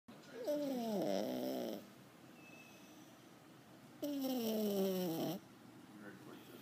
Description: Gadget sitting like a human, snoring and being cute